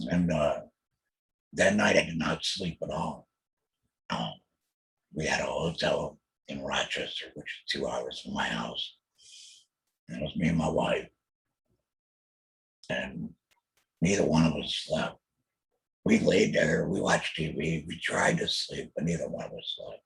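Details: Alaryngeal substitute speech from a real adult male laryngectomee after a total laryngectomy in 2020 for laryngeal squamous cell carcinoma, followed by chemotherapy and radiation; he mentions using an electrolarynx.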